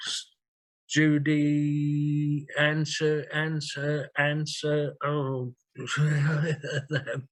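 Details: 67-year-old man with aphasia after two large strokes, 18.5 and 6 years earlier, needing time to get words out and using a communication board; aphasia.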